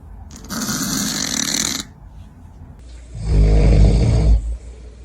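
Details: Two loud snores from a sleeping cat: a hissing breath, then a deep rumbling snore.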